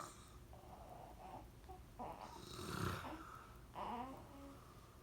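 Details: Snoring from a sleeping adult man: repeated rough, rattling breaths in a quiet room.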